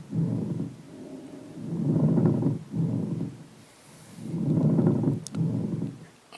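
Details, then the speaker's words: Coarse, creaking, grating sounds with each breath in and out: a pleural friction rub, presented in the context of pleural effusion. "And this is how the pleural rub sounds."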